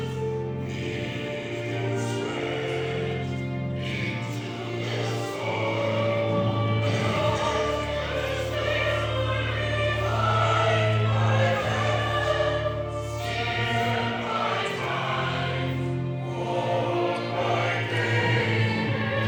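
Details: Choir singing, mostly of people after laryngectomy plus some without, using esophageal voice: air redirected through the esophagus, with esophageal tissue acting in place of the vocal folds. Finding: esophageal voice singing after laryngectomy.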